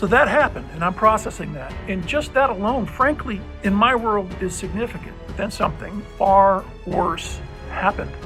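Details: Adult man with voice change persisting since a puzzling respiratory illness nine months earlier; the infection cleared and he has no trouble breathing, but an uncontrollable spasmic cough remains; the outcome is unknown; finding: dysphonia.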